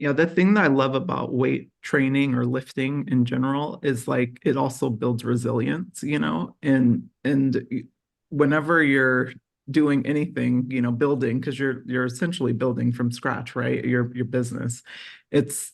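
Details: Adult speaker; no speech disorder.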